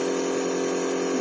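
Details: Norditalia compressor nebulizer running while a young girl inhales cough medication through a child mask, sitting still and breathing slowly until the medicine chamber empties; compressor nebulizer running.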